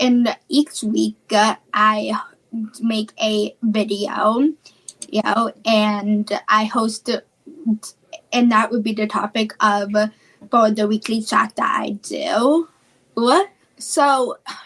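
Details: Childhood apraxia of speech, a neurological speech disorder, in a female high school student.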